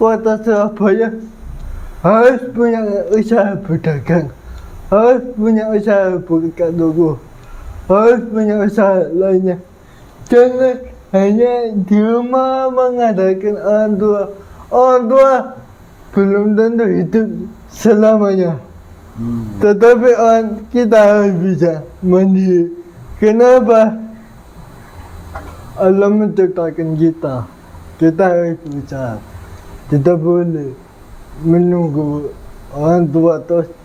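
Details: 22-year-old man with cerebral palsy (physical disability), which was linked to a difficult, delayed delivery at birth; dysarthria.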